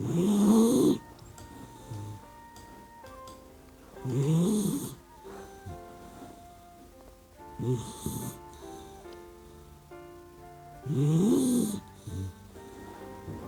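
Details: Four rough, fluttering snores, about 16 a minute, each on an in-breath, from a sleeping puppy dog, with background music; ordinary sleep snoring.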